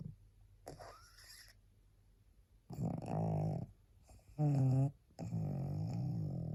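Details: Very tired pug, a small flat-faced dog, barely able to hold her head up: rough snorting snores with a few high squeaky tones, about four breaths heard.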